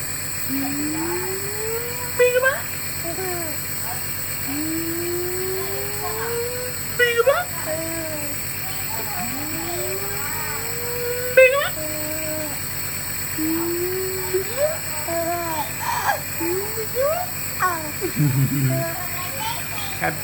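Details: Steady mechanical hum of a nebulizer compressor with rising vocal glides and faint voices over it; a child receiving nebulizer treatment for a very bad cough, cooperative the first time: nebulizer compressor running.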